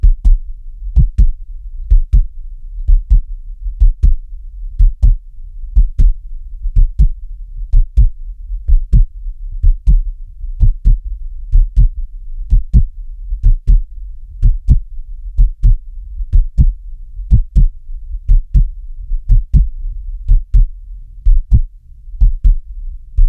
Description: Relax to the sound of a steady, beating heart and the sounds and soft orange glow you into a deep, restful sleep.